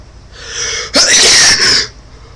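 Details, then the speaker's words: Male deliberately forcing a sneeze by tickling his nose for a sneezing challenge, trying to keep eyes open, which hurt: a rising breath in, then one sharp, loud, explosive sneeze with a brief trailing burst. "Okay, that didn't work. And that hurt. I'm not doing that again."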